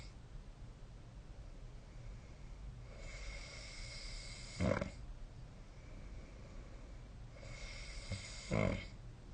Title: 🐽 いびきの音 / Snoring Sleep Sound 2025/05/28